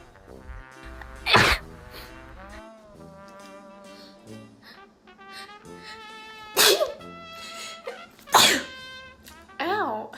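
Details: A person who says they sneeze a lot, recorded sneezing.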